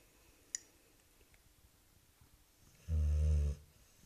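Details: Sleeping boxer dog: a single deep, rumbling snore lasting under a second after a quiet stretch and one faint click; snoring.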